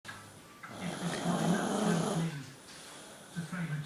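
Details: Sister snoring during sleep, filmed because she denies snoring: one long, loud, rattling snore on an in-breath, then a softer start of the next, in a quiet room.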